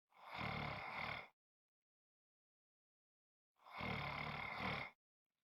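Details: Two loud, rough, rattling snoring breaths about three seconds apart, separated by silence; loud snoring.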